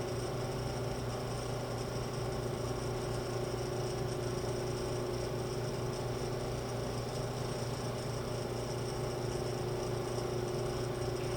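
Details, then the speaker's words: Tracheostomy suctioning nursing demonstration: the steady motor hum and whir of a suction unit drawing sterile solution through the suction catheter to clean out secretions, before the suction is turned off. "Suction sterile solution through the catheter to clean and remove secretions. Turn off suction."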